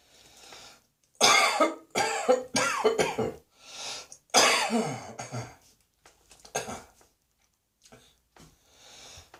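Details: Adult coughing, which they attribute to cat hairs: a run of harsh, forceful coughs in irregular bursts, with quiet breaths and throat sounds between them, in a small room.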